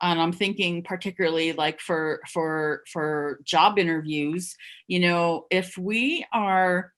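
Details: Adult who stuttered covertly for over 30 years, heard with repetitions of words and syllables; stuttering.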